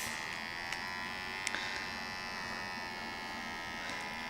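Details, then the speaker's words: Steady electric pump buzz with faint room hum as an Equate 4500 Series wrist blood pressure monitor cuff inflates during self-measurement by a user who feels nervous about the reading. "okay so it's gonna read me now and tell me oh it's making noise oh my god I always hate these things"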